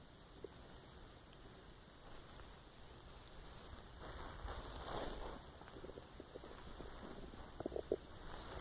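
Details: Empty stomach growling, recorded while the person was lying awake trying to sleep: low, irregular gurgling and rumbling with a louder swell midway and squelches near the end (borborygmi).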